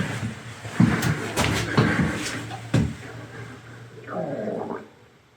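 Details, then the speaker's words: Adult's stomach growling while not hungry: low gurgling rumbles with a few thuds and faint room noise, ending in a rising-and-falling gurgle (borborygmi). "I don't know if you can hear my stomach growling or not. I'm not even hungry, but anyway, all that crap is done now."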